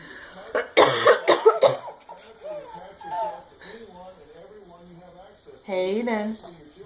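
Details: Mother coughing: a burst of several harsh adult coughs followed by her baby's high giggling squeals; an ordinary cough.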